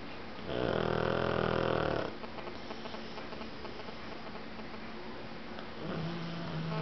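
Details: Pug napping and snoring: a loud, buzzing snort-snore followed by a quieter snore a few seconds later.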